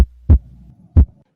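Steady deep heartbeat thumps at about 90 a minute, a regular normal rhythm over a low hum.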